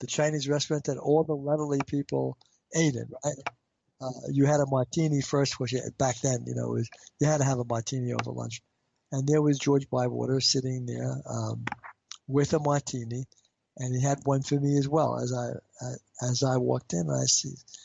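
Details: Adult man with stuttering since age five, treated with intensive fluency therapy and now using fluency targets, still reporting blocks; stuttering.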